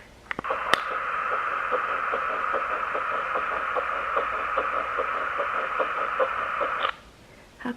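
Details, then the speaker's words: Fetal heartbeat played back from a press-button keepsake recording: rapid, regular whooshing pulses at about 146 per minute through a small tinny speaker. "and they also gave us this little like um keepsake and when you press it you can hear the baby's heartbeat"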